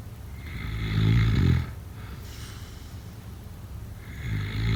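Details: Deep, rattling snores on the in-breath, with a soft breathy out-breath between them, over steady background hiss; snoring during sleep.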